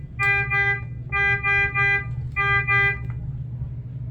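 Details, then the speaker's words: Three bursts of bright electronic beeping over a steady low hum: IV infusion pump signalling as a 100 mL infusion at 100 per hour is started. "Okay, make sure everything is unclamped. Let's get that unclamped. And then I'm going to hit start."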